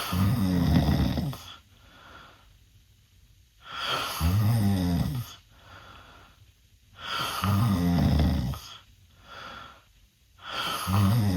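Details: A 16-year-old male snoring with his mouth open, reportedly worse than an earlier recording: loud, rough snores on each in-breath, about 17 a minute, with quiet breaths out between them.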